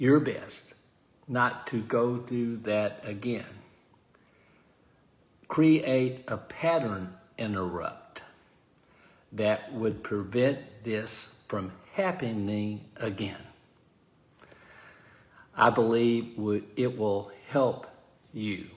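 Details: Adult man with aphasia following a stroke; aphasia.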